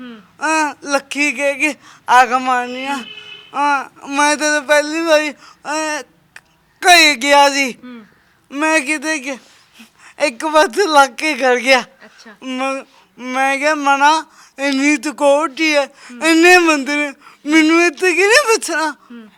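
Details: Young man with a disabled hand and a speech problem present since birth; stammering.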